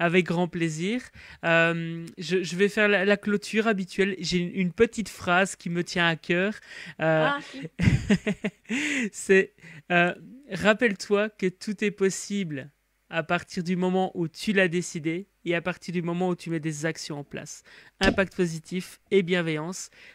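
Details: Adult speaker, French; Normal speech.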